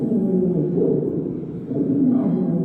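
Simulated lung sound with a continuous musical, whistling tone throughout: a wheeze, from air passing through narrowed airways.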